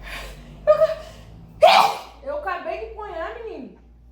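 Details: Gasping around sneezing induced by sniffing rapé powder into the nose: sharp inward gasps and a burst of breath with voiced whimpering sounds.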